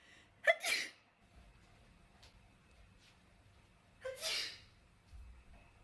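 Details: Sneezing triggered by a COVID-19 nasal swab test: quick intake of breath, then two sharp sneezes a few seconds apart; induced sneezing.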